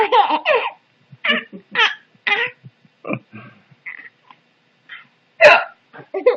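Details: A mother's hiccups, short, sharp and voiced, with her infant's giggles in between; ordinary hiccups.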